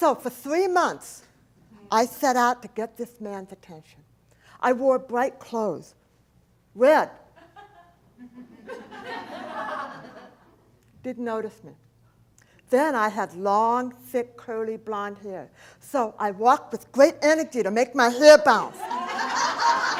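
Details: Adult woman, profoundly hearing-impaired since age four, when a 106-degree fever destroyed about two-thirds of her hearing; she describes a speech impediment, not an accent; deaf speech.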